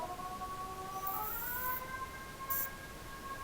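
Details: Soft electronic tones stepping up and down in pitch, with brief faint hissing bursts, from a phacoemulsification machine during live cataract surgery on a very hard cataract in a high myopia eye, while chopping the nucleus.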